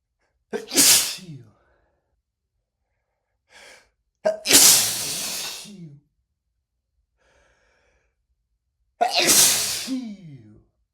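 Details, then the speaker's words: Male sneezing after using a lot of black pepper while cooking; he says one whiff of spice sets off about 30 minutes of sneezing. Three loud sneezes seconds apart, each with a sharp gasp first and a voiced end; persistent, not rapid. Pepper-triggered sneezing. "God. My pepper sneezes are not rapid at all, but they sure are persistent. They they just don't stop."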